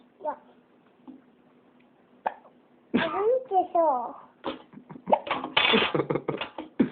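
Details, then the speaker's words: Hiccups in a person asked "you got the hiccups?": three short, sharp gulping catches in the first seconds, then voices and talking. "You got the hiccups? Yeah. Hey, what was that? I don't know. What was that?"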